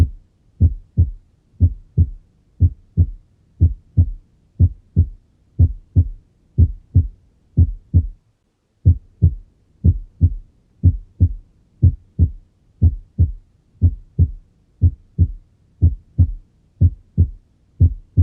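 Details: Normal cardiac auscultation: steady, regular S1 (mitral/tricuspid closure, start of systole) and S2 (aortic/pulmonary closure, start of diastole) at about 60 a minute, no extra sounds or murmur.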